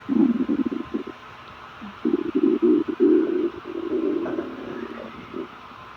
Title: My stomach is begging for food (the sound of my stomach rumbling after fasting for 30 hours)